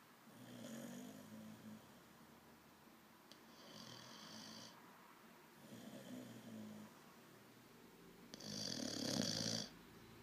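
Four rasping, fluttering snores about every two and a half seconds in a quiet room, each on the breath; dog snoring.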